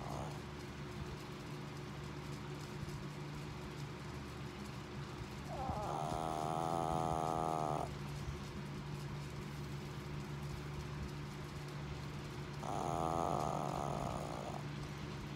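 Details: Tiny dog snoring: two drawn-out, buzzing snores about six seconds apart over a steady background hum.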